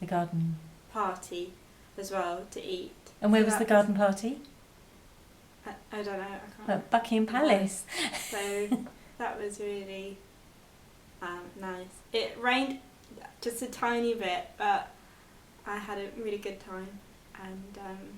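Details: Expressive aphasia in a 22-year-old woman after a stroke at age 18, four years earlier; speech improved, reading, writing and numbers still difficult; expressive aphasia.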